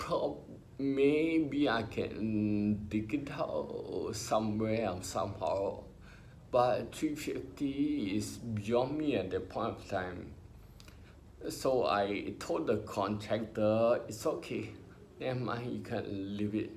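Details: Adult male with spinocerebellar ataxia diagnosed by a neurologist about 20 years ago after trembling hands and an unsteady walk, affecting talking, who mentions speech therapy: ataxic dysarthria.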